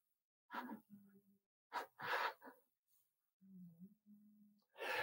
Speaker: can you hear my cat snoring